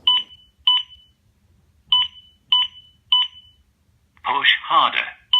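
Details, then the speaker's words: Short two-tone beeps then a brief voice prompt from a Zoll AED Pro defibrillator, its CPR feedback signalling chest compressions of poor depth after metronome-paced CPR. "a metronome beat indicates CPR at the correct speed CPR of poor depth will be indicated by the unit"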